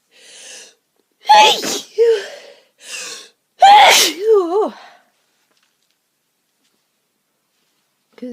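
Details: Several forceful sneezes in quick succession, each with a sharp inhaled build-up and explosive release, with eyes streaming, after deliberately inducing sneezes at home; sneezing fit.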